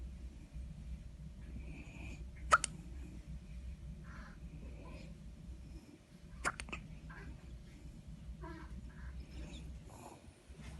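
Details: Newborn baby hiccups: two brief, sharp hiccup sounds about four seconds apart over a steady room hum, with faint background sounds.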